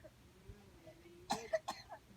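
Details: A young boy with a cough, given cough medicine, gives a quick run of three short coughs after a quiet stretch.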